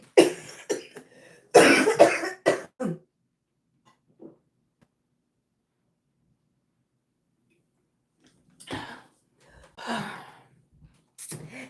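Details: Coughing fit in an adult woman with lupus whose Jo-1 antibody has attacked her lungs, voice getting raspy: a rapid cluster of harsh, forceful coughs, a silent pause, then more coughs with throat clearing.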